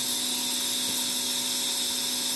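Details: Oxymed portable piston nebulizer demonstration with water in the medicine cup: steady, high-pitched mechanical hum and whine of the piston compressor running continuously.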